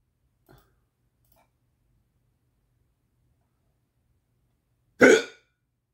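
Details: Persistent hiccups that won't stop, the person's fourth bout today: a faint catch, then a single sharp hiccup after a pause of a few seconds.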